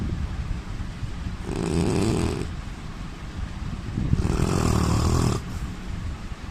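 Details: Indian man snoring: two long, deep, rumbling snores on breathing in, with steady background noise between them.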